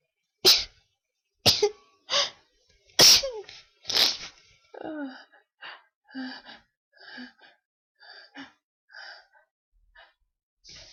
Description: so thought id do some requests, people have requested i do different types of sneezing so i tried to do that here. my nose is so so tickly today!!